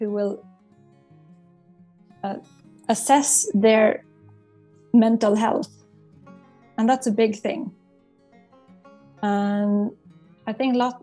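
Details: Stuttering in an adult psychologist who stutters and has worked with a stuttering coach, with audible word repetitions.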